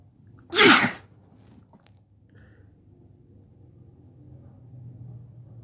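A single loud, sharp sneeze bursts out, followed by a quiet room. An ordinary sneeze.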